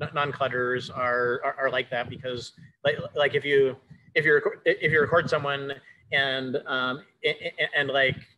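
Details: Adult male with self-reported cluttering, speaking in a conversational interview about the disorder; fast speech with repetitions and fillers; cluttering.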